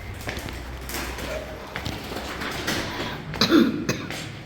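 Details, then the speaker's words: Light cough from a dog ("malysh") walking ahead outdoors, coughing lightly; owner says he is unwell, woke coughing at 4 a.m., vet appointment booked. A couple of short, light coughs against faint room noise and distant talk. "вот малыш идёт впереди Света конечно нету здесь Ну вот тут переди вот он в тиночка кашляет слышите Как вот так вот лёгкий у него писалась к врачу"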